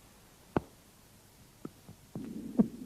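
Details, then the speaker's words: Mitral stenosis at the cardiac apex: loud snapping first heart sound, opening snap of the mitral valve after S2, then low rumbling diastolic murmur from obstructed flow through narrowed left atrioventricular orifice. "при митральном стенозе на верхушке слышен хлопающие первый тон щелчок открытие митрального клапана и диастолический шум"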